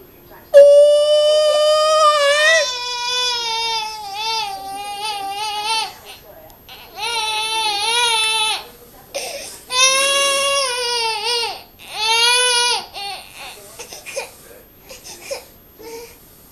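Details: An infant crying while the father plays with the baby: loud, high-pitched wails with rising and falling pitch, separated by breaths and softer whimpers. Infant cry.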